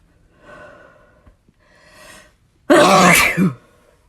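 Two drawn-in, voiced breaths build up to one loud, forceful sneeze with a voiced release, an ordinary sneeze.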